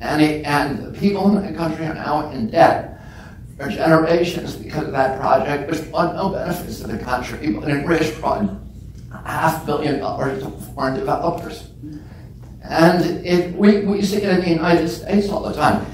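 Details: Adult man with spasmodic dysphonia, which he calls spasmodic dystonia, that makes his voice tremble. Onset at age 42 after a previously strong voice. He says it lessens or goes away after speaking a while and is not painful. Real speech.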